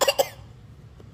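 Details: Two quick, dry coughs in close succession from a child asking for a cough drop, then quiet room sound; a caregiver suspects the cough is faked.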